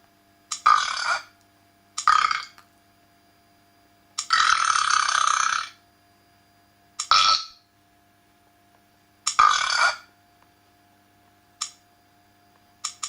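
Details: Simulated burping sound effects from a soundboard app: a series of separate belches of varied length, one long and drawn out, with a faint steady hum between.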